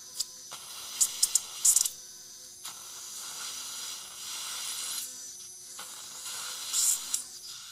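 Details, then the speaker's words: Straight surgical handpiece with a 1–1.2 mm drill perforating very cortical bone of a severely resorbed lower right posterior mandible, at a failed implant site, during vertical ridge augmentation with TR-PTFE membrane: high hissing whine in short bursts with sharp squeals. "okay so here's my straight hand piece about a 1 mm drill 1.2 very cortical surface so careful here"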